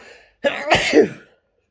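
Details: Single forceful sneeze during a sneeze challenge, possibly induced with mint or garlic in the nose: a short drawn-in breath, then an explosive burst of air and voice.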